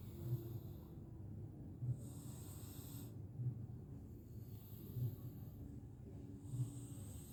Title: kucing mendengkur ( ngorok ) asik tidur dengan pulas